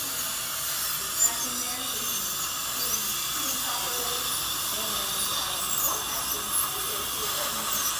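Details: Continuous high-pitched whine of a dental drill during a dental filling procedure, with faint room noise and clinician instructions nearby; dental drilling.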